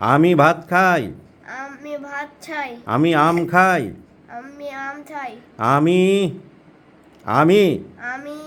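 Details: Boy aged about six who stammers, repeating Bengali sentences in a practice exercise and getting stuck on the word 'ami'; the doctor attributes it mainly to nervousness in a gentle, bashful child: stuttering (stammering).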